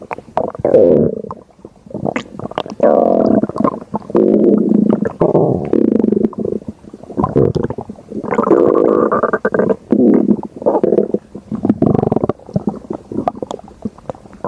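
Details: Loud, gurgling, rumbling stomach growls in irregular bursts: ordinary bowel sounds of gas and fluid moving (borborygmi).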